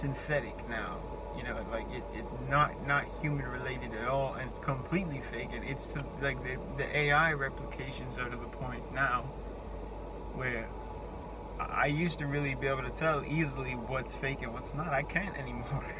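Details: Adult with a self-reported speech impediment whose words break down completely in face-to-face talk, forcing breaks; many repeated words and restarts heard; disfluent speech (speech impediment).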